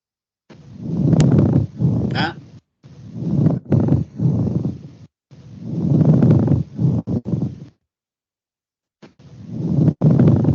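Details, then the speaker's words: Pleural friction rub in a teaching recording: rough, grating, creaking bursts like crumpling paper, heard in both phases of breathing and not changed by coughing; caused by inflamed pleural surfaces rubbing together. "Es áspero, se dan cuenta en los dos tiempos. Y no se modifican con la tos."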